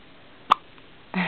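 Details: Newborn baby girl, about one or two days old, in hospital: one short, sharp hiccup, then a brief voiced sound; hiccups.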